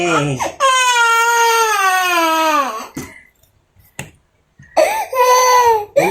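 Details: One-year-old breastfed boy, described as anemic, crying while being given vitamins: loud, sustained wailing in bursts with a pause between; ordinary protest crying.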